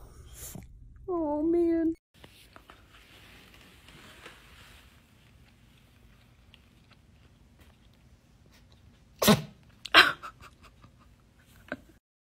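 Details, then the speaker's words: Cat: a brief meow, a quiet stretch, then two sharp sneezes followed by small snorting sounds during a sneezing fit. "Oh, dear. You okay? Are you okay? Oh, oh dear. Oh, hon. You got a sneezy fit."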